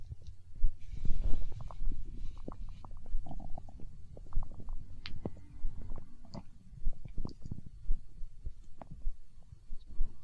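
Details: Hunger stomach growl in an ASMR recording: low gurgling rumbles with scattered bubbling pops over several seconds, gas and fluid moving through the gut (borborygmi).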